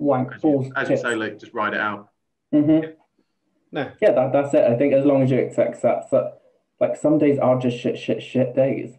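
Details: Man, 28, with Tourette's for about two years; vocal tics including involuntary swearing and repeated words, plus a stammer he never used to have; vocal tics with repeated words (Tourette syndrome).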